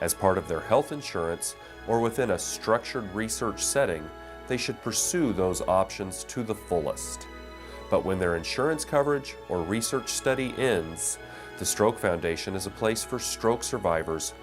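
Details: Adult male speaker; normal speech.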